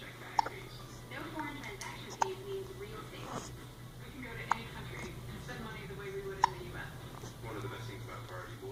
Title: More hiccups